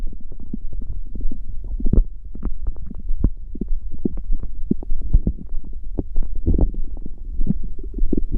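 Continuous low gurgling and rumbling with irregular bubbling pops, unbroken throughout; ordinary bowel sounds.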